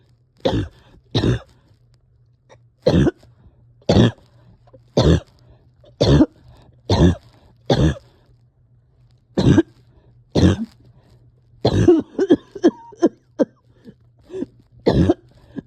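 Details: A person having a hard time resting or getting comfortable gives about twelve repeated single harsh coughs, then a quick run of shorter coughs and throat clearing; coughing with some breathing struggles.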